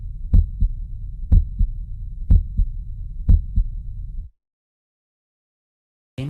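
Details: Normal heart sounds on auscultation: regular lub-dub at about 60 beats a minute, with a normal first and second heart sound (S1, S2).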